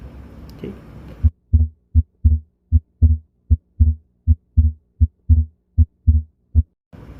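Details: Teaching recording of a reverse (paradoxical) split S2: regular heart sounds at about 78 a minute, with the second sound splitting on expiration rather than inspiration.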